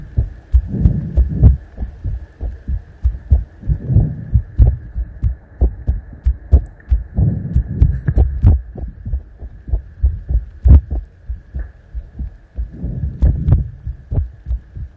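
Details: ASMR heart-sound recording: steady, low heartbeat thumps at roughly 94 a minute, mixed with close crackly handling sounds and a faint hum.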